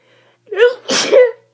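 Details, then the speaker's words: A single sneeze with a voiced in-breath build-up and forceful burst from someone sick in bed with a cold, with watery eyes and sinus symptoms. "I have to sneeze just so [Applause] bad eyes are watering ow just stoping God she oh God I just want to feel better in my sinuses I think I'm"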